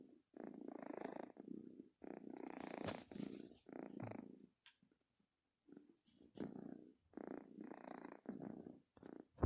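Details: Sleeping cat making rhythmic, low rumbling noises on each breath in and out, with one brief pause; the owner is unsure whether it is snoring. Cat snoring.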